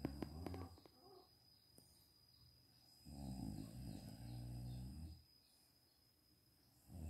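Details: Adult woman (mother) snoring while asleep lying down during a daytime nap; a long, low rattling snore on a slow in-breath, then quiet out-breath, in a quiet room.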